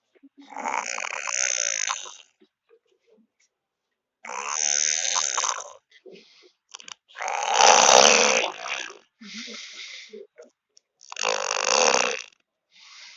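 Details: Sleeping boy with loud, rough, rattling snores on each inhalation and quiet pauses between, about five snores in thirteen seconds; snoring.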